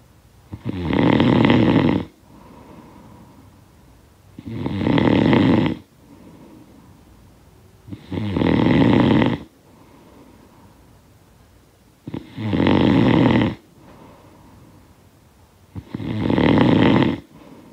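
Five harsh, vibrating snores on each breath in, with softer breaths out, about 17 a minute; regular snoring.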